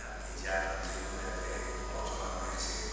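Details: Patient with anti-GAD antibody autoimmune cerebellar ataxia and 8 to 9 months of unsteadiness; cerebellar dysarthria.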